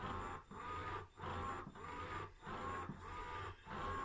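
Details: Steady motor hum with regular suction-release dips, roughly 48 cycles a minute: an electric breast pump expressing from a breastfeeding mother's fuller, painful side.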